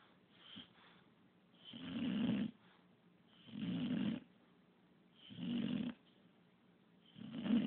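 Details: English bulldog that snores constantly: rhythmic low rumbling snores with each breath, about 34 a minute, with quiet pauses between.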